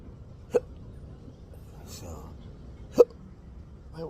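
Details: Adult with intractable hiccups, a chronic debilitating condition: two sharp, abrupt hiccups about two and a half seconds apart over quiet room noise, from sudden diaphragm spasms.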